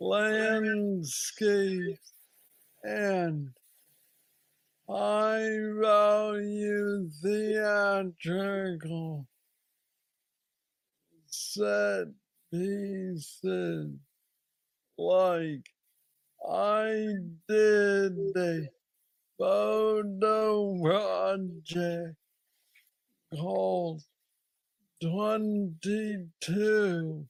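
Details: Adult man with Parkinson's disease diagnosed at age 35, about nine years ago, a form he calls the most aggressive he knows, treated with an implanted brain neurostimulator; hypokinetic dysarthria (Parkinson's disease).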